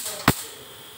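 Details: Laser tattoo removal on a very dark tattoo on the front of the palm of a young boy: a single sharp snapping crack over quiet room noise, the firing pulse of the removal laser.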